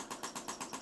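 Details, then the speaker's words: Rapid regular mechanical clicking pulses, about eight per second, from shockwave therapy on the left shoulder of a fitness instructor with over two months of worsening shoulder pain when lifting overhead; more intense than expected. "wow that is way more intense than I was expecting for Shockwave therapy"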